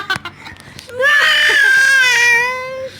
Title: Crying baby😂😂